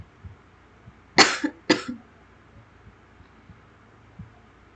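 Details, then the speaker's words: Two short, sharp coughs in quick succession from an adult who reports being unwell with a sore throat and coughing throughout, against a quiet room background. "Mohon maaf juga karena saya batuk-batuk terus dari awal video sampai akhir."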